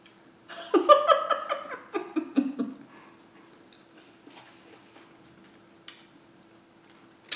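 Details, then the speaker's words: Run of gurgling, creaky rumbles lasting about two seconds during an eating video; the person notes their stomach is noisy and doesn't know why: stomach growling (bowel sounds). "i hope you guys can hear my stomach making all that noise i don't know why it's doing that but if you hear it please forgive"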